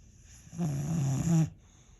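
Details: Boxer dog snoring loudly in sleep, stretching between bouts: one loud, low, vibrating inhaled snore lasting about a second.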